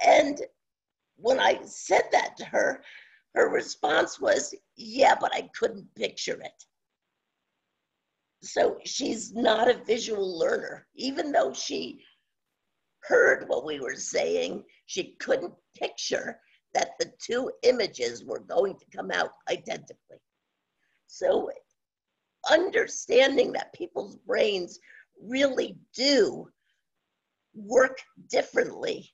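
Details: Adult woman with spasmodic dysphonia, no cure, onset around 2010 and progressively worsening; awaiting a postponed Botox injection; scratchy voice; spasmodic dysphonia.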